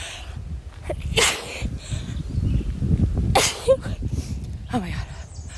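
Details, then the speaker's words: Three sharp sneezes with gasping in-breaths between them, outdoors with wind noise; woman with an allergy sneeze attack during a morning walk, sneezing throughout the walk. "my allergies have been so bad I honestly haven't had symptoms in probably I'd say over a year"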